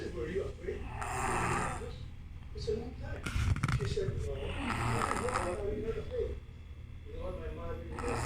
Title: sound asleep! new level of snore